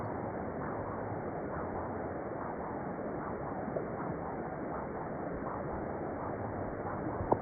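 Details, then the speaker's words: Transcranial Doppler bubble study using autonomous TCD in a 54-year-old male with a prior negative transthoracic echo bubble study: rhythmic pulsing flow whoosh with brief sharp chirps, microembolic signals of a right-to-left shunt. "I'm going to play it again just so that you can see and hear the deflections. It makes it really really obvious for the interpreter."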